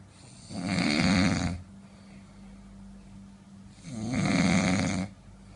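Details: Adult man (father) in deep sleep at night: two loud, rattling inspiratory snores about three seconds apart, steady low room hum between; snoring.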